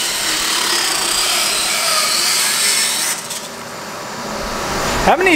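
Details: Loud steady grinding and rasping of a power dental float on a horse's teeth, easing off near the end; the horse feels the vibration but no pain.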